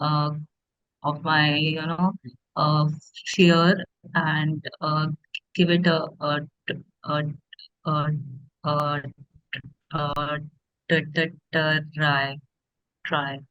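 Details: Adult woman who stammers, asking how to overcome fear of teaching as a person who stammers; stuttering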